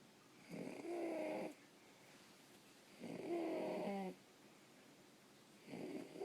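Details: 9-year-old child asleep: loud, harsh, pitched noise on each breath, about 24 breaths a minute; stridor during sleep.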